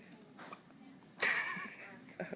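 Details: Newborn twin on day 3 in the NICU, feeding better: a sudden sharp hiccup after quiet room noise, with softer sounds before and after; infant hiccups.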